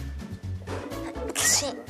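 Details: A daughter's single short, sharp sneeze over steady background music and faint room sound.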